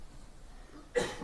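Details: Single sharp background cough from an adult during a German political speech, cut off at the end.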